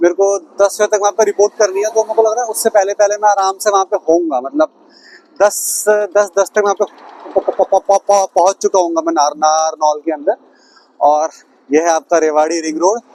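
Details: Self-described stammering adult male speaking Hindi, with word and phrase repetitions; stuttering.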